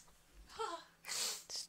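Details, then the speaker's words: A single sneeze from a person with a cold during a gaming session: a quick indrawn breath, then one sharp, explosive sneeze with a short trailing nasal burst. "oh God I'm going to sneeze oh sorry that's okay"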